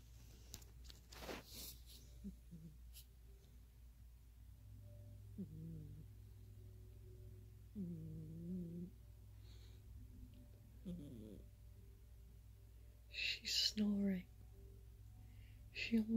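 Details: Sleeping cat, which the owner says almost never snores: soft, low, buzzy snores about every three seconds in a quiet room, with faint rustles. Light snoring.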